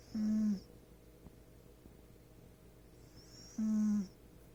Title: Cat snores